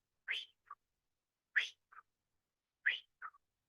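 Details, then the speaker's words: Stethoscope placed lightly, without pressing, over the femoral artery in aortic valve disease: paired sharp sounds, louder snap then softer echo, about 46 a minute: Traube's double femoral sound (pistol shot sound). "el profesor trau lo que hacía era poner el fonendoscopio ponerlo sol no apretar colocar el estetoscopio sobre la arteria femoral y lo que se oscula es un pulso de ida normal y de vuelta"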